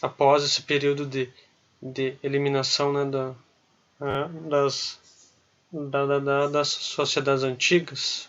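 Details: Adult man, a person who stutters, speaking Portuguese in a conversation; stuttering.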